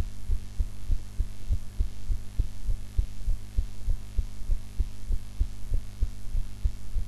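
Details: Regular, soft low heartbeat thumps at about 100 beats a minute over a steady hum, self-recorded after eating in a different posture from usual: normal heart sounds.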